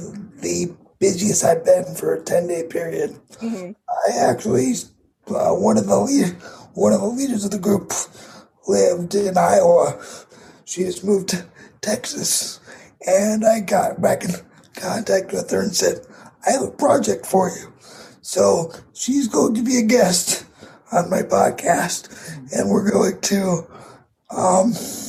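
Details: 22-year-old man with cerebral palsy affecting his muscles, tighter muscles making talking more difficult; dysarthria due to cerebral palsy.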